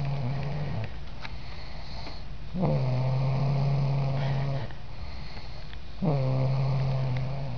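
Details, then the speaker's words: Young girl, called a baby, sleeping: soft, low droning snores in long regular breaths, two full cycles; harmless snoring. "Look at the baby sleeping, making funny noises."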